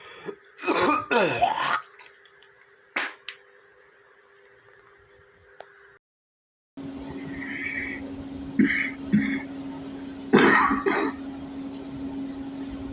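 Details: Compilation of separate recordings of a male coughing: short bursts of harsh, throaty coughs and throat clearing, fitting a wet, mucus-laden cough.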